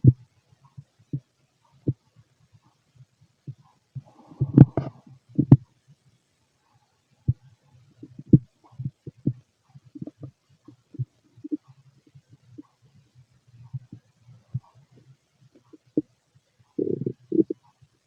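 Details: Empty-stomach bowel sounds (borborygmi): irregular gurgles, pops and brief rumbles from the belly, with a louder rumbling burst.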